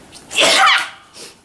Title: Beautiful Girls sneezing